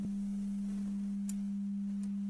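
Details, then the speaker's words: Pure-tone audiometry test tone from an online audiogram tool testing left and right ears, volume adjusted to find the hearing threshold, range 250 Hz to 8 kHz: steady low-pitched tone with faint clicks. "exactly you adjust the volume to determine the Threshold at which you can just hear the tone helping to plot your hearing sensitivity on the audiogram"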